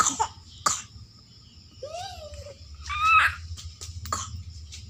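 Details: Cough in a child who is still lively despite it: a few short, sharp coughs mixed with playful vocal sounds and household background noise, recorded at bedtime.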